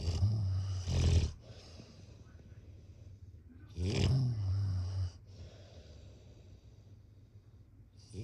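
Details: Two loud, low, rumbling snores on the in-breath, with quieter breathing between them, at about 16 breaths a minute.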